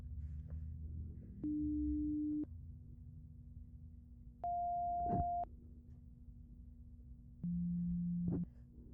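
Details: Simulated hearing exam roleplay with headphones: three steady one-second beep tones at different pitches, played to both ears, with soft room noise between them; pure tone audiometry beep test.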